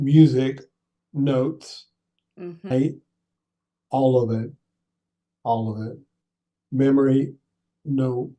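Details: Adult male stroke survivor with aphasia for seven years after a brain bleed caused by coughing during pneumonia, plus apraxia of speech; has trouble with word retrieval, numbers and sentences; aphasia with apraxia of speech.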